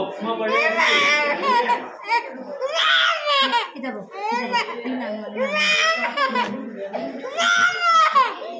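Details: Young baby girl crying around an injection while being held and coaxed with chocolate; loud, rhythmic crying bouts with high-pitched wails and sobbing breaths between them, distressed crying.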